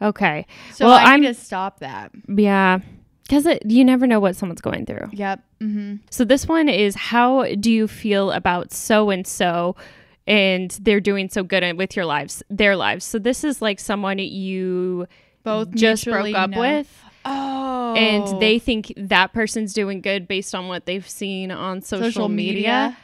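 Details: Adult woman; normal speech.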